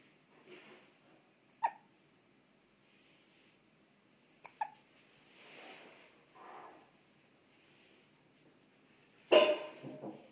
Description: Cute Hiccup after shower